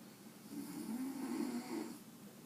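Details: A woman (the poster's mother, "grandma") snores while resting in the afternoon: one long, low, buzzing inspiratory snore that wakes the Jack Russell dog sleeping with her.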